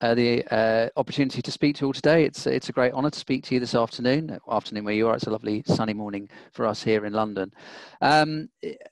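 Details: Adult man speaking; normal speech.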